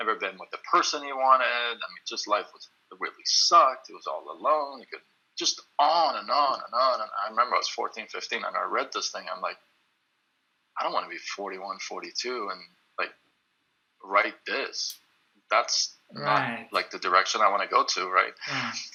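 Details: Stuttering in an adult male who works on the phone; he reports stuttering more when reading a script aloud than when speaking freely.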